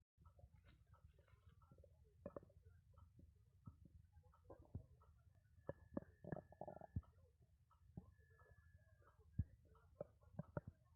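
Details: Loud stomach growling, normal bowel sounds: continuous low rumbling with gurgles, pops and a brief squeal from the belly.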